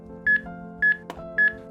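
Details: Three evenly spaced beeps at about 107 per minute from a Samaritan PAD AED's CPR metronome pacing chest compressions in a demonstration; the unit also gives voice prompts to push harder or faster.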